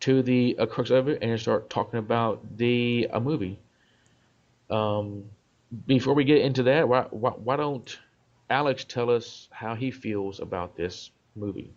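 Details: Adult male self-described stutterer; part-word and whole-word repetitions; stuttering.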